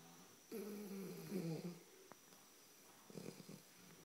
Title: Snoop 8 week old blue Shar Pei Snoring